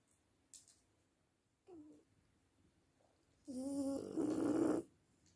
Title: Bulldog francés roncando. Snoring french bulldog